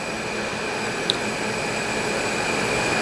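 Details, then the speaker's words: Steady rushing airflow with a faint whine and one small click as a Philips Respironics DreamStation starts therapy at CPAP 10 cm water, ramp enabled from 5 cm over 5 minutes; CPAP machine airflow. "in this scenario we have the machine set at a CPAP of 10 cm of water pressure the ram function on this machine is enabled and and we can depress the ramp"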